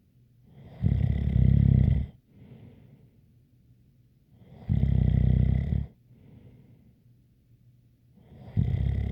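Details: Deep, rattling snores on the in-breath about every four seconds, each followed by a faint whistling out-breath: snoring with a light whistle.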